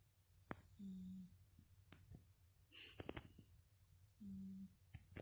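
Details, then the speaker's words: The speaker's little one, nicknamed "little puppy", asleep in the late afternoon. It had earlier been imitating the speaker's father's snoring. Soft, not very loud snoring sounds: snoring. "哦，朋友们，你们听到了吗？那呼噜声虽然不是很响，但也是觉得打呼噜是会传染的。"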